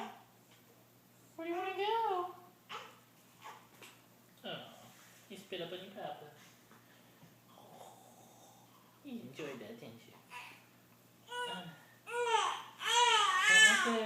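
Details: Fussy infant being burped: short whimpers and grunts, then rising wails over the last few seconds; infant crying.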